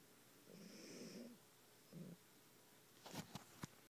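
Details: Snoring from Misty, an 18-year-old loud-snoring cat asleep: two rough fluttering breaths, one long and one brief, then soft clicks in a quiet room.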